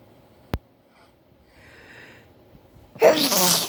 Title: sneezing fit